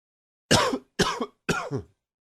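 Three short, forceful coughs in quick succession, the later ones a little harsher, set off by a throat tickle.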